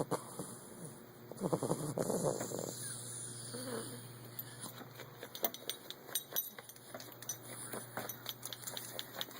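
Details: Eight-week-old Olde English Bulldog puppy on its first nap: rough, rumbling snore with snorting breaths against background hiss and small clicks; snoring.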